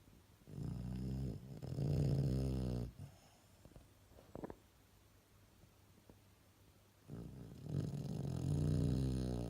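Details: Snoring: two long, loud, low rumbling snores on breathing in, separated by a quiet pause of about four seconds.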